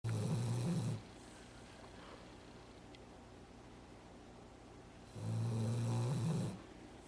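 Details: Female dog asleep on a couch on the day she came home after a toe amputation: two loud, low rattling snores about five seconds apart, separated by quiet: snoring.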